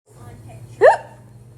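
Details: Monkey hiccuping while scared: a single sharp, brief squeaky hiccup over a steady low background hum.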